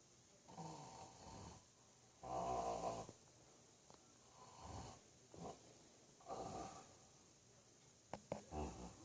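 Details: Father snoring: loud, rattling snores on repeated breaths, some with a snorting quality, against a quiet room.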